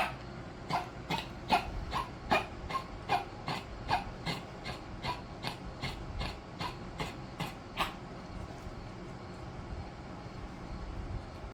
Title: 09.11.23 coughing. Fluid in lungs